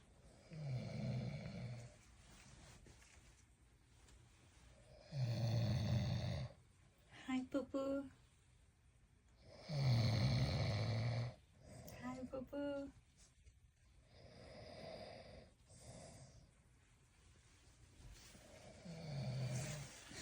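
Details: Husband snoring at night: loud, rattling snores about 13 times a minute, with whistling sounds on some breaths.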